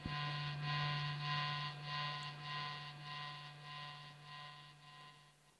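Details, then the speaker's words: Continuous hum of a surgically implanted left ventricular assist pump replacing left ventricle function, with external controller and batteries via abdominal driveline: a steady mechanical hum with faint higher whine instead of a heartbeat. "what you just heard is the sound of a surgically implanted pump it replaces the function of left ventricle and it connects the external control units and batteries through a drive line coming out of the abdomen"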